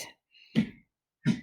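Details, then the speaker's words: Female dog gives two short, harsh coughing bursts from her bed, heard at a distance in a quiet room: dog cough. "sorry if you hear that noise my dog is coughing over there in her bed so that's what that noise was"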